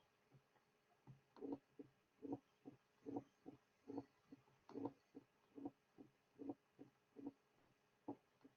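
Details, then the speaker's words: Simulated mitral stenosis recording after the diastolic murmur is removed: heart sounds with a sharp, high extra click soon after the second sound, an opening snap. "Now the early portion of the diastolic murmur will be eliminated, leaving only the pre-systolic portion. Now the murmur is removed, leaving the opening snap."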